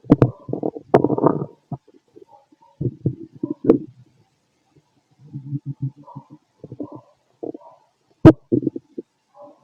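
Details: Stethoscope auscultation of the abdomen of a fit adult male: irregular gurgling and rumbling bursts with quiet gaps, ordinary stomach growling from active bowel sounds.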